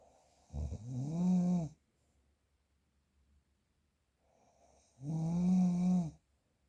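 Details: Real, unprocessed snoring recording: two loud, rumbling, buzzy snores on breathing in, each about a second long, with quiet breathing out between; typical adult snoring.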